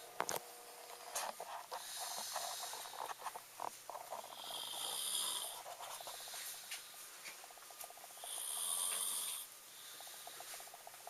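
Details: Irregular hissing, whistling snores with snorts and rattles over room noise; snoring in sleep.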